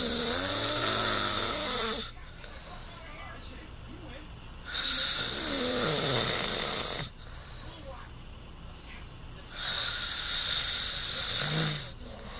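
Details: Dad snoring: three loud, rasping snores about 2–3 seconds long with quiet breathing between, roughly 12 a minute.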